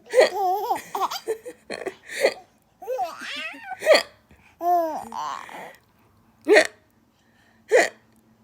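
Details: Person laughing through hiccups: bursts of laughter broken by short, sharp hiccups, then a few isolated hiccups about a second apart at the end.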